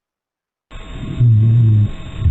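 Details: Simulated chest sounds in a lung sounds teaching practice: low-pitched continuous snoring rhonchi over a rougher crackling background; crackles with rhonchi.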